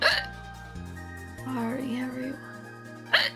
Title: STRUGGLES TO CURE HER HICCUPS